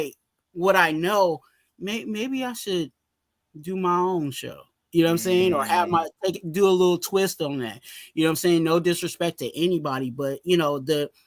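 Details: Stuttering in an adult male, very severe in childhood and now milder, with some still audible in his current speech.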